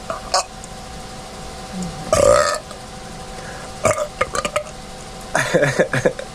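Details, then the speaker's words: Voluntary burping on command after deliberately swallowing air: several drawn-out burps, loudest near the start, followed by quieter burps and mouth sounds. "you can fit more air in there and you could have a bigger burp that's the inside burp"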